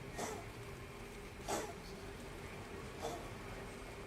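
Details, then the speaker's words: Cat reverse sneezing: three faint, sharp snorting inhalations about 1.5 seconds apart; owner says something is caught in the airways and it stops when he swallows. "you can hear him, he's just reverse sneezing. It's what happens when something like gets caught in their uh airways. If they swallow, then it goes away."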